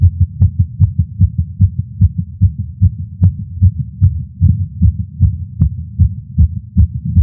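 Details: A man's heartbeat through a stethoscope while smoking a cigar, feeling lightheaded after not smoking for a while: rapid, regular paired beats at about 150 per minute, a nicotine-related racing heart.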